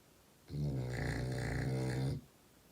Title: Adorably Dressed 2-Month-Old Baby Snuggles With Snoring French Bulldog